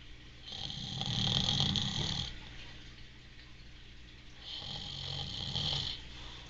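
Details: Heavy adult male snoring: two long, loud, rasping snores with a harsh rattle, separated by quiet exhalation.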